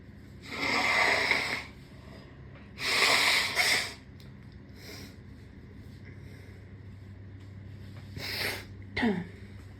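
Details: Sneezes induced with a rolled-up piece of tissue: two loud sneezes, then a softer sneeze and a sharp nasal burst, with quiet between them.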